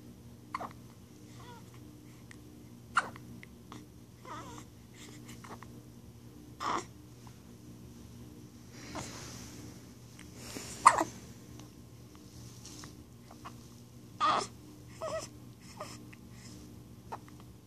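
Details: Quiet room with a 9-day-old newborn girl making short, abrupt breathy catches every few seconds, about eight in the stretch: hiccups, common and harmless in newborns.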